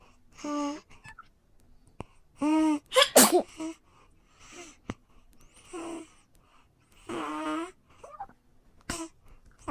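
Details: Baby sneezing: several short, high-pitched infant sneezes with brief voiced sounds between them in a quiet room.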